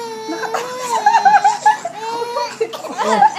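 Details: A young child cries with long tonal wails broken by sobbing catches while an adult soothes; ordinary crying.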